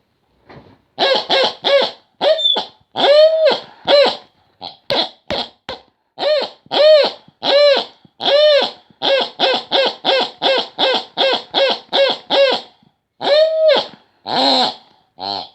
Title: Wheezing pig